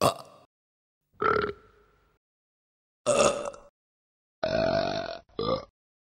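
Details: Kids burping: five loud, gurgling belches in quick succession, separated by silence; ordinary burping.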